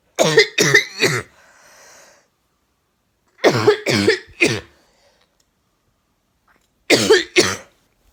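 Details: Adult with a chronic cough that has recurred yearly for five years, each bout lasting 6 to 9 months, reportedly milder and more settled this year on medication: three short bouts of repeated coughing, eight coughs in all.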